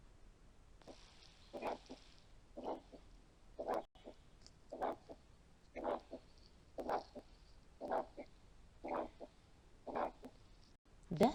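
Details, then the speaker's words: Weak (decreased) second heart sound, a teaching example in a paediatric cardiology auscultation lesson: a steady beat near 58/min, each loud S1 followed by a faint, soft S2. "نسمع المثال التاني ده تاني، ده اللي فيه ديكريز S2 واضح قوي."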